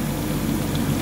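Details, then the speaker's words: EE-OXY++ oxygen concentrator (PSA, up to 10 L/min) running after warm-up: steady low motor hum with soft continuous bubbling as oxygen passes through the water humidifier bottle to the mask. "आ रही है इसका मतलब के oxygen यहां से निकलकर जिसमें से होते हुए मास्क में आ रही है"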